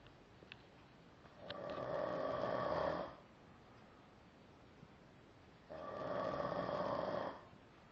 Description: I just caught my friend snoring and i said this could be good on youtube :)